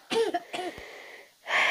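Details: Two short harsh cough bursts followed by a breathy exhalation, from a woman described as very ill, not improving on medicines and prone to a racing heartbeat.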